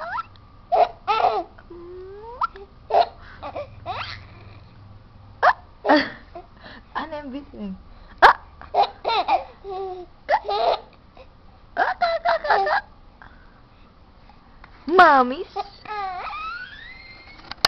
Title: laughing baby w/ hiccups